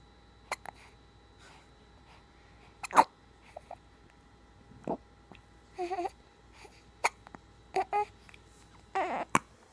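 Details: Brief, sharp hiccups at irregular intervals from a pet in a quiet room, keeping it from sleeping; hiccups.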